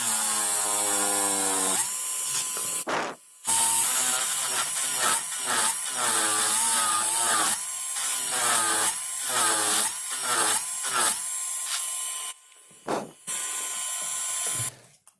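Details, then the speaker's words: High-speed dental handpiece whining, rising and dipping with brief stops, while an end-cutting bur lowers the margins, currently slightly above the gingiva. Typodont mandibular first molar (#36), full veneer crown preparation. "So axial surface remains unreduced, only the margin keeps going down."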